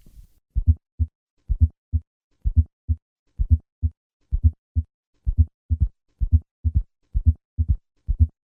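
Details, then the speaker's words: Simulated heart sounds of aortic stenosis with both third and fourth heart sounds, built up from S4, then S3, then the systolic ejection murmur: regular rhythm near 64 a minute, each cycle a cluster of low thumps. "Listen to a patient with aortic stenosis and both a third and a fourth heart sound. I will begin with a fourth heart sound, then add the third sound, and finally the murmur."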